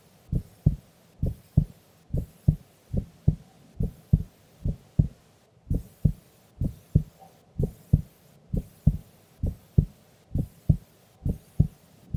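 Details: Female asleep during an afternoon nap: steady dull lub-dub heartbeats at about 66 a minute with a soft background hiss; resting heartbeat.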